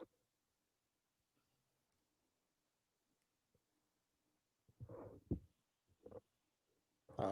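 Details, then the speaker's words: Sleeping male dog, described as a loud snorer, gives a few loud, rough snorting snores after a quiet stretch in a small room, then stops. "Do you hear the dog snoring? Is that what that is?"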